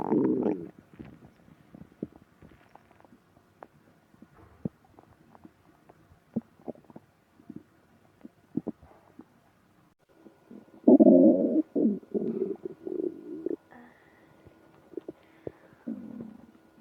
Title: Bad morning from hunger to stomach ache (stomach growling)